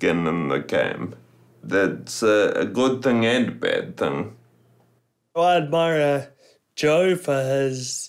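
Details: Man turning 30 with Friedreich's ataxia, a genetically inherited progressive neuromuscular condition affecting coordination, balance and speech. Finding: ataxic dysarthria.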